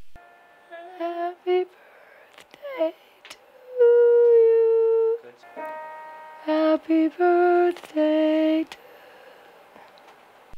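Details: Singing Happy Birthday at low volume, sound cuts out at a specific pitch but returns clearly when volume is raised; phonatory stoppage (voice cutting out at soft volume)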